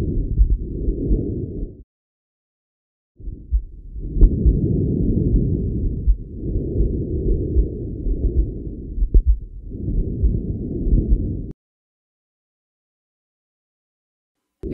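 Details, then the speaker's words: Harsh, loud, high-pitched tracheobronchial breath sound heard over the neck of a healthy individual, audible in both phases but mainly expiratory, with a clearly marked pause between inspiration and expiration; a normal physiological sound. "soplo traqueobronquial bronquial o laringotraqueítis o áspero de tono elevado audible en las dos fases de la ventilación pero es preferentemente espiratorio con una pausa bien marcada entre ambas fases"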